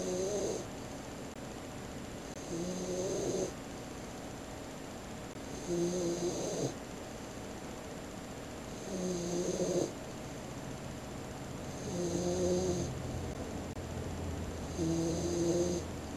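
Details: Puppy, 16 weeks old, asleep on a bed after being tired out by a walk in the woods: soft, regular snores, about 20 breaths a minute, each with a light whistling, buzzy tone; snoring.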